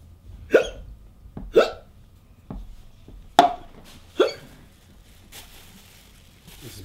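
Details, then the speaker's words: Comedy sketch of an adult man with hiccups after trying to hold his breath: five sharp, abrupt gulping hiccups at irregular intervals, imitated rather than real. Simulated hiccups. "look man why don't you try to scare the hiccups out of me try to scare me man"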